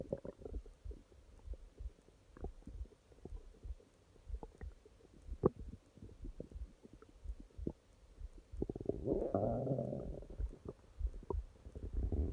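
Quiet irregular clicks and gurgles, then a longer growling rumble near the end; ordinary stomach growling.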